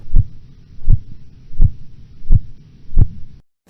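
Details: Korotkoff sounds, phase 1.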